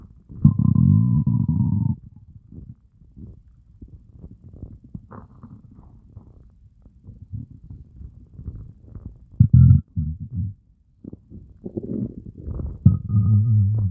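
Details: Stomach growling after a fast of over 30 hours: loud low groaning and gurgling rumbles with a long drawn-out growl at the start; hunger borborygmi, a normal bowel sound.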